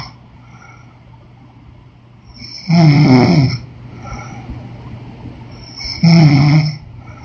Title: Women snoring noise💤